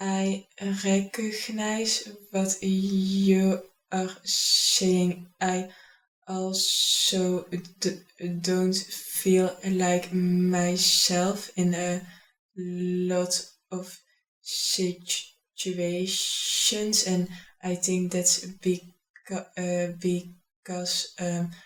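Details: Adult speaker; stuttering.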